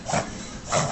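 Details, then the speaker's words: Dog reverse sneezing: two harsh, rasping snorts drawn inward through the nose as the body tries to clear an irritant from the back of the nose; often mistaken for choking, usually harmless. "look pretty weird noise right well a reverse sneeze is actually the body's attempt to clear its irritant from the back of the nose by sucking air in it's commonly mistaken for choking although it's usually harmless"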